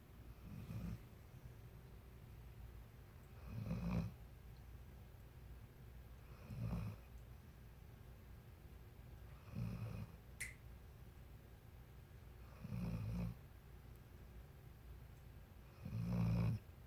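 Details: Soft, low snores recurring regularly about every three seconds, roughly 19 a minute, over quiet room noise; steady snoring.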